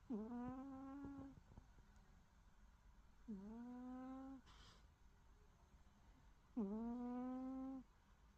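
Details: Sleeping cat snoring: three steady, whistling snores, each about a second long, at roughly 18 breaths a minute, with a brief rustle between.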